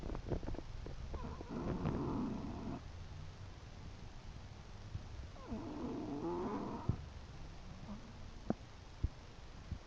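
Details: A sleeping English bulldog gives two rough, rattling, snore-like breaths over steady room noise with a few clicks; snoring typical of a flat-faced dog.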